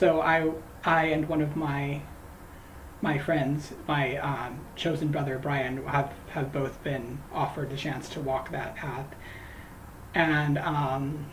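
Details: Man who says he stutters, talking while crocheting; his stuttering worsens when greeting people by name; stuttering.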